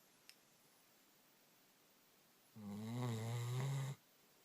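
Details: Puppy snoring about 10 minutes after a long walk: one drawn-out, low, vibrating snore lasting over a second in a quiet room.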